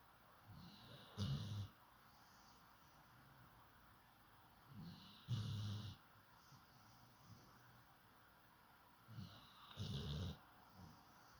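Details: Snoring: three low, rattling snores with softer snorting breaths between them, about 14 breaths a minute, over a quiet room hiss.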